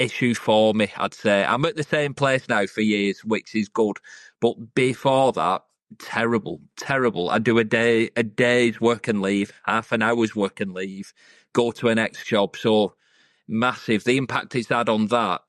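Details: 42-year-old UK man who has stuttered since age eight, over 30 years; history of hiding it, word avoidance and substitution, anxiety and low mood; much improved after three years of online coaching and public speaking groups; stuttering.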